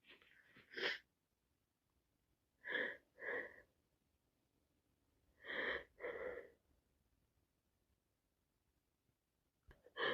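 Five sneeze bursts, two of them in quick pairs, in a quiet room; wet, congested sneezing from a head cold.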